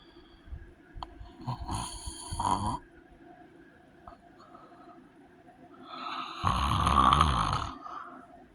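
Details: Person with sleep apnea snoring heavily: loud, rough snoring in irregular, uneven bursts with quieter gaps between.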